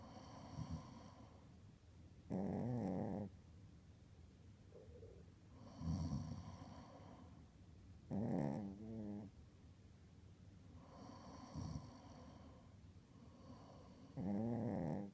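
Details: Female Pomeranian snores after each of her owner's snores: rough snoring bursts alternate with higher, whistly snores from the small dog, about ten snores a minute in a quiet room.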